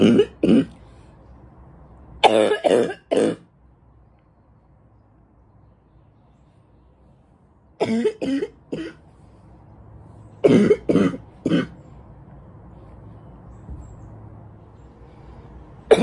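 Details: An adult who reports feeling more congested lately, possibly from allergies, coughs in short clustered bouts with a harsh, congested, barking quality between quiet pauses.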